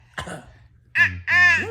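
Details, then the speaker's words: A breathy catch and then two short, voiced, honking coughs from a baby awake late at night who is not ill but faking it while talking and laughing; a voluntary cough. "sick. She's not. She's faking it. Catch your breath, catch your breath."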